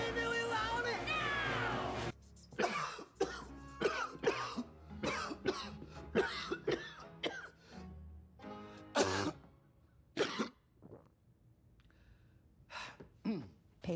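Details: TV series scene of the adult actor playing Mr Poe coughing: music, then a string of short separate coughs and throat-clearing bursts with quiet pauses between them.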